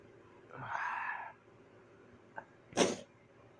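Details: Sneeze after trying to hold it back: a long, breathy in-breath, brief pause with a small click, then one sudden explosive sneeze in a quiet room.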